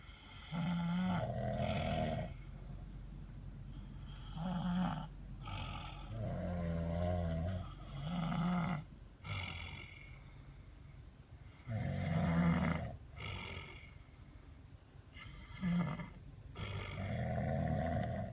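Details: Loud, low, rattling snores with each breath in, roughly 11 breaths a minute, in a quiet enclosed space while sleeping in a car; heavy snoring.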